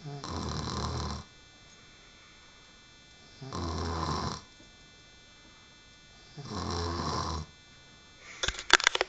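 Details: Woman snoring: three loud, rattling snores, each about a second long, with quiet pauses between, then a brief clatter at the end.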